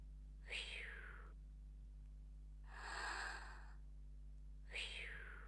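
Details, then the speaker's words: Fisher-Price Soothe 'n' Snuggle Otter infant soother toy playing a simulated breathing/snoring track, slow, even, airy breaths about 14 a minute imitating calm sleep: simulated rhythmic breathing. "snoring yeah that's quite nice so pressing it again or switch it off"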